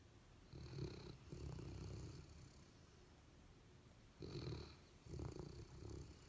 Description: Abundant Joy (Golden Retriever) and Honey (Labrador Retriever) both snore and dream.